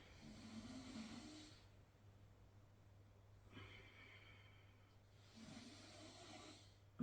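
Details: Snoring from a sleeping dog that is a habitual heavy snorer: two soft, low rattling breaths over a steady room hum.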